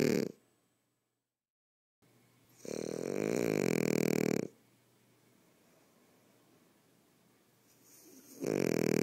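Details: Loud, rough, vibrating snoring breaths repeating roughly every six seconds with quiet pauses between; snoring.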